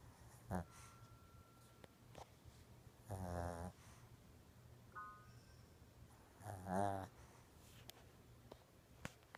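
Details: Sleeping Shih Tzu snoring: two rattling, buzzy inhalation snores a few seconds apart in a quiet room, with faint squeaks between.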